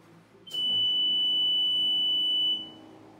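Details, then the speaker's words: Steady high-pitched electronic tone for about two seconds, then stops, as a home oxygen concentrator is plugged in and turned on, with green light showing; oxygen concentrator start-up alarm. "what we're going to say is the Machine came on because you had the alarm you have a green light"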